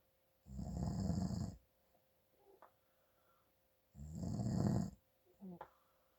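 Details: Loud, low, rattling snores on each in-breath, two in six seconds, with quiet out-breaths, from an adult man snoring from nasal congestion.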